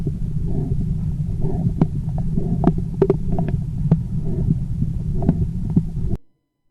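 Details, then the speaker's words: Abdominal aortic bruit heard through a stethoscope over the central abdomen during a nursing assessment: a low, rumbling pulsatile whoosh, an abnormal finding that should be auscultated and not palpated. "Like I said, the aortic bruit is an abnormal sound. So, that's an acute sound that you hear."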